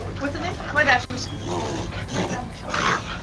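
Repeated harsh, snorting inward breaths from a dog in rapid, noisy succession, a reverse sneeze.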